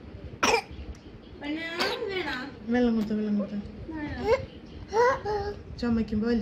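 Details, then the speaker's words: Sharp cough bursts with long high-pitched inspiratory whoops between them; a paroxysmal whooping-like cough, not pertussis. "you were asking about the cough H this is inspiratory wo right inspiratory woof"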